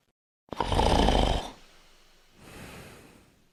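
One loud, rough, rumbling snort on the in-breath, then a softer breath out: a snorting snore.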